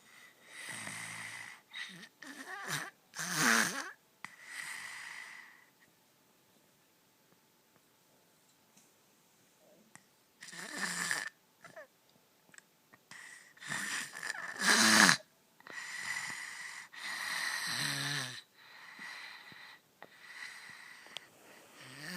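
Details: Loud, rattling snores recur in bursts, with a long quiet pause between groups of breaths: snoring.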